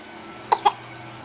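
Two quick, abrupt catches in the throat about a tenth of a second apart over steady room noise, consistent with hiccups.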